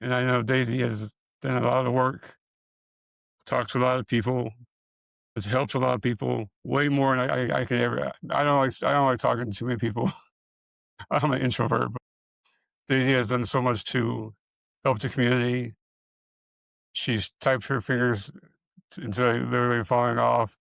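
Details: Man with multiple system atrophy, parkinsonian type (MSA-P), who reports his speech has more of a stutter and tremor, more noticeable after the first two minutes; hypokinetic-ataxic dysarthria.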